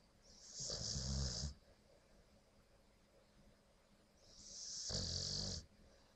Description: Well here is our Snoring and farting Dog!